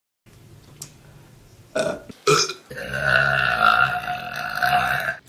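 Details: Woman burping in a compilation: quiet gulps, then a long, loud, rumbling belch lasting a few seconds; burping.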